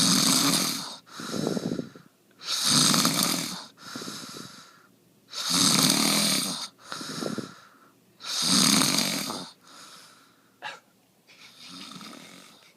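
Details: Sleeping person: loud, harsh rattling snores alternating with quieter breaths, about 10 snore cycles a minute; heavy snoring.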